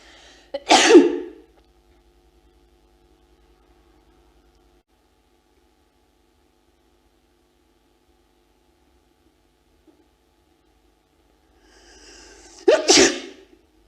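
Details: Female sneezes from a 1999 photography project in which people were induced to sneeze alone in a studio while trying to hold back the urge; two separate sneezes, each a quick intake then a sharp burst, with a long silence between; sneezing.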